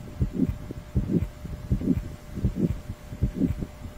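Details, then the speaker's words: Aortic stenosis murmur: heartbeat near 80 a minute with a rough crescendo-decrescendo, diamond-shaped systolic murmur starting shortly after S1. "this results in a crescendo decrescendo or a diamond shaped murmur which starts a short moment after s1 it is often preceded by an ejection click caused by the opening of the stenotic valve"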